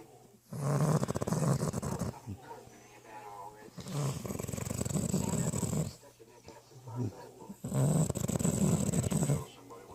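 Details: Snoring: loud, rough, rattling snores on each breath, about three in ten seconds, with quieter breathing between.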